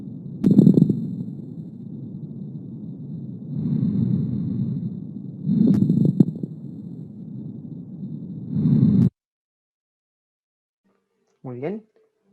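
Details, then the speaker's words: Chest auscultation teaching example: stethoscope breath sounds with brief popping, bubbling clicks like stepping on dry leaves over some breaths; coarse crackles, described as possibly caused by acute or chronic bronchitis. "en este caso fue un crepitante grueso"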